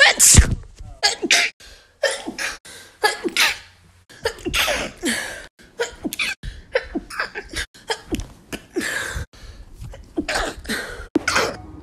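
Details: One adult sneezing repeatedly: a rapid series of separate sharp noisy sneezes, some preceded by a quick inhaled gasp; ordinary sneezing.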